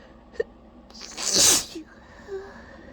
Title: really trying to hold back messy, itchy sneezing fit